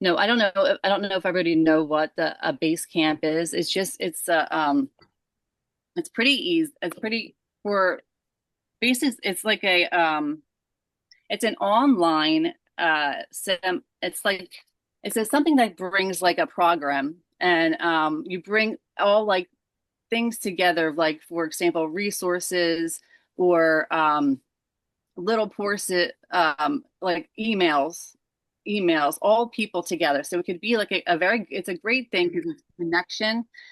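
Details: Adult woman stroke survivor with aphasia following stroke; aphasia.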